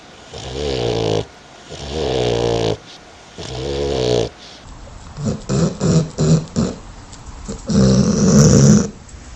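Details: Dog snoring sound: three long, rumbling snores on inhaling, then shorter, choppier snorts and a final snore from a sleeping dog.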